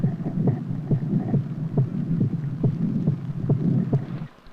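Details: Wild animal recording, likely a captured, tied wildebeest: heartbeat with lung noises.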